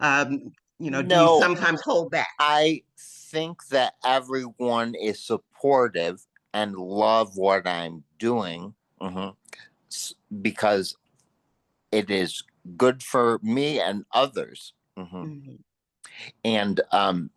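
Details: Post-stroke aphasia in a man, a panelist at an aphasia conference; real, unscripted speech.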